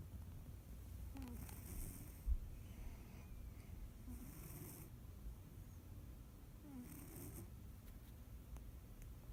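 Soft, faint snores about every three seconds over steady low room rumble. Light snoring.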